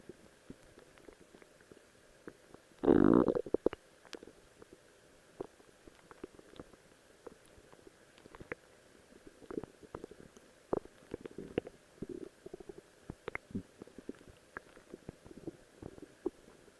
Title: My Stomach Growling while in a Rose Cosplay Outfit